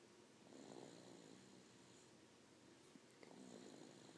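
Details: Snoring.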